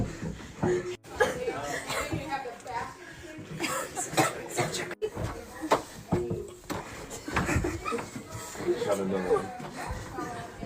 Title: Everyone coughing😭